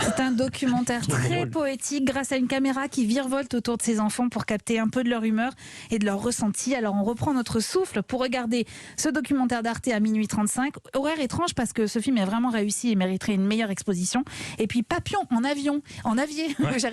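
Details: Adult woman speaking French; ordinary speech.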